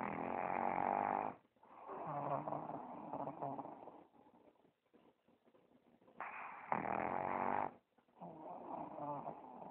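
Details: Pug sleeping on owner's chest after playing, snoring very loudly: long rough rattling bursts with quiet pauses between; snoring in a small flat-faced dog.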